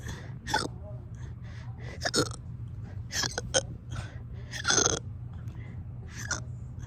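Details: About six short, abrupt hiccup sounds over several seconds against steady low room noise; persistent hiccups that have gone on for hours.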